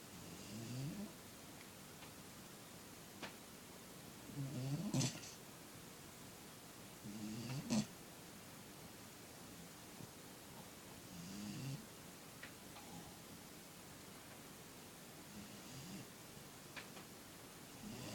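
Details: Four-month-old Doberman / Caucasian ovcharka mix puppy sleeping: soft, irregular snuffling snores, a few short rattly breaths with light clicks between them; snoring.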